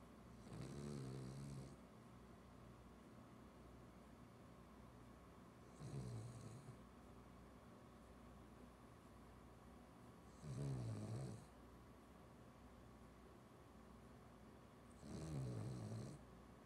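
Four rumbling snores about every four to five seconds, roughly 13 a minute, over a steady room hum.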